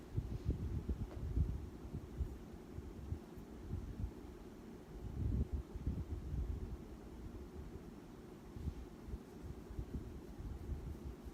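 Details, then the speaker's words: Normal S1 and S2 heart sounds on stethoscope auscultation during a head-to-toe physical assessment demonstration: soft, low thumps with handling noise, within normal limits, no murmurs. "heart sounds with the normal limits s1 and s2 hurt on auscultation no murmurs note it"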